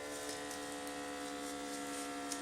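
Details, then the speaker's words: 90X2 automatic blood pressure monitor inflating the arm cuff after Start is pressed: steady low electric pump buzz as air is sent into the cuff. "je le positionne bien voilà et là ça commence à gonfler donc ça envoie de l'air"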